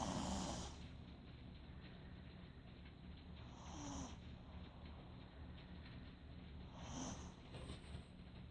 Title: Snoring 2